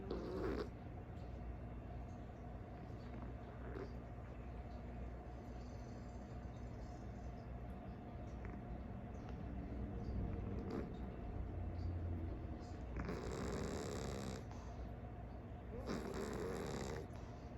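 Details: Calico cat snoring and snorting in her sleep: soft, continuous low rumbling breaths with two louder, rougher snores near the end; snoring.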